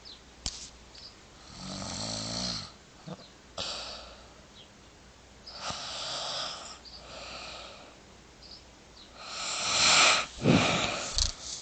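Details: Adult woman snoring during sleep: repeated hissing, rasping snores with a few vibrating, fluttery breaths and a louder snort near the end; snoring.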